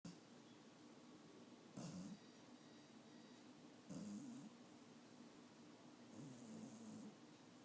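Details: Old pet sleeping and actively dreaming: soft, low rumbling snores about every two seconds, around 28 breaths a minute, over steady room hiss; snoring.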